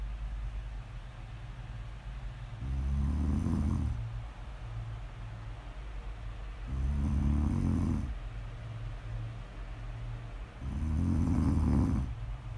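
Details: Snoring: three deep, rattling snores about four seconds apart, roughly 15 breaths a minute, with soft breathing between.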